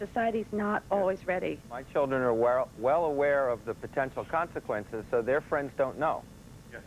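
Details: Adult speaker, talk show; Ordinary speech.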